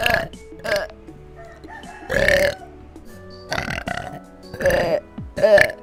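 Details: VTuber livestream: several short burps in a row with background music, after the streamer says they are stuffed (kekenyangan); burping.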